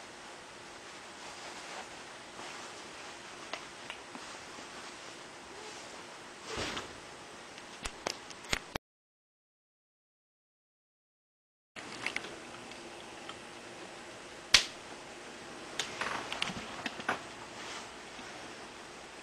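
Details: Person deliberately cracking hip bones, knees, ankles and toes: several brief, sharp pops and clicks over steady hiss; joint cracking.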